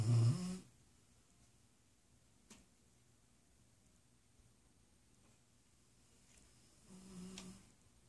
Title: Brutus snoring